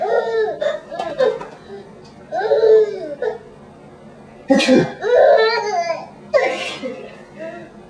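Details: Father sneezing: two abrupt, explosive adult sneezes, with a baby laughing in between.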